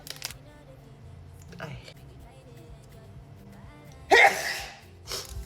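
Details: Woman sneezing, tagged allergic rhinitis: a sharp, explosive sneeze followed by a smaller second one in a quiet room with faint music; sneezing.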